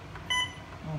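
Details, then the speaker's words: Alaris infusion pump demonstration, infusing a 5 ml test volume into a plastic bag: a brief high electronic beep over quiet room noise, the infusion-complete alarm. "after completion you can just switch off just switch off like that so it will alarm so you will know that the infusion has been finished"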